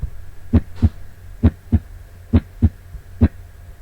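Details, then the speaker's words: Educational heart cycle animation of right and left ventricles, sound occurring as valves close: regular paired lub-dub at about 67 beats a minute, no murmur; normal heart sounds. "ven como ventrículo derecho ventrículo izquierdo en como cuando se cierran las válvulas es que ocurre el ruido"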